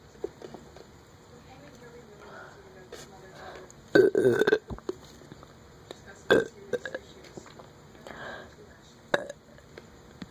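A few loud, short, throaty belches over quiet room noise, with faint voice sounds between them; burping.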